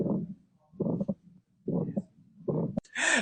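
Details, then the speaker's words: Regular heartbeat near 70 a minute with a harsh, rumbling murmur filling each beat; aortic stenosis murmur from a heart-sound study recording (guessed as holosystolic). "all right what do you think that this heart memor is a holos stolic m holos stolic let's check and the answer is aortic stenosis"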